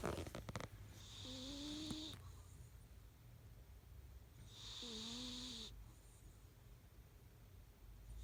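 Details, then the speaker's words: Sleeping cat snoring loudly: two slow, rasping breaths about three seconds apart, each with a faint whistling tone and airy hiss. "everybody that is my cat sawing logs anybody got earplugs cuz I know I won't be little late damn she snores loud fur cat"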